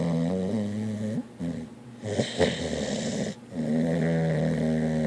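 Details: Snoring after playing in the water: low, droning snores with a whistling tone, broken by a rougher snorting breath midway.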